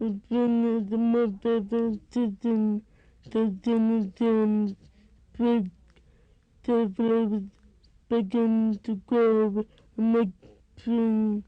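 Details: Little girl with severe bilateral hearing loss, some residual hearing amplified by hearing aids; speech with a certain tonal quality and cadence, very difficult for unfamiliar listeners to understand; deaf speech.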